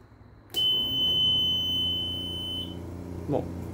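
A steady high-pitched beep lasting about two seconds as the machine switches on, then a low motor hum continues: an oxygen concentrator's start-up beep.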